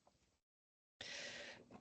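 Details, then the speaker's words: A dog in the background gives a harsh, breathy cough. The dog has been seen by a vet for this cough, is on medication and is closely monitored. "He has gone to the vet for that, by the way, if you can hear him. So we are aware of his issues. He is on medication, just in case you're concerned."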